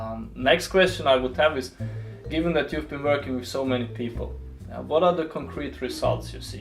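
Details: Adult male speaker; normal speech.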